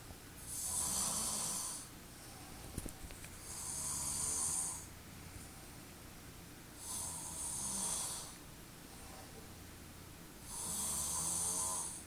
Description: this mf snoring loud af